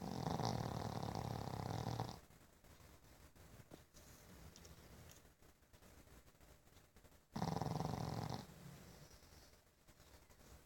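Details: Pug, a flat-faced dog, snoring: two long, low, fluttering snores with soft breathing between.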